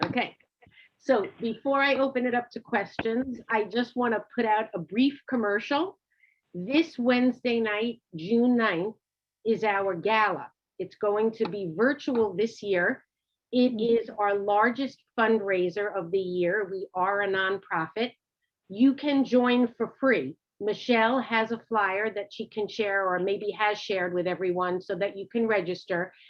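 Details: Adult woman speaking; Normal speech.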